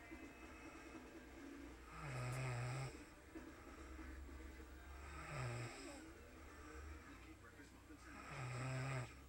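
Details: Adult woman snoring while asleep: low, buzzing snores on each breath in, about every 3 seconds, over a steady hum and faint background sound.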